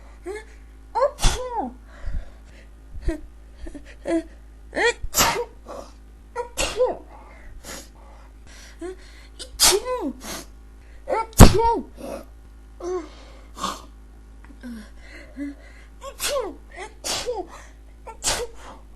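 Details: A run of about twenty sharp, explosive sneezes in close succession, some with a brief vocal catch; repeated sneezing.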